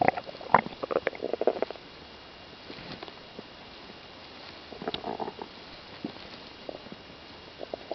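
Short bursts of gurgling and bubbling, then quieter scattered gurgles; ordinary stomach rumbling.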